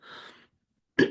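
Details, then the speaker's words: Adult coughing deliberately, explaining they just needed to cough and are not hoarse: a breathy intake, a brief pause, then one sharp, loud cough burst. "excuse me I don't edit so you're going to hear that cough and I'm doing another one okay so didn't want you to think I was horse just needed to cough"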